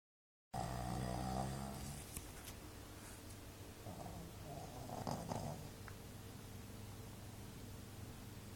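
A rattling snore at the start, then quieter snuffling, snorting breaths with soft room noise.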